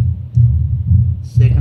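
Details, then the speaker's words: Mitral area in a patient with pure mitral stenosis: loud first heart sound, opening snap after the second sound, then a low-pitched, rough, rumbling mid-to-late diastolic murmur louder late in diastole (presystolic accentuation). "then there is a rough murmur we call it low pitch rough rumbling murmur in the middle part of the destly and the late part of the desty and it becomes louder in the late part of the desty. We call it preystolic accentuation."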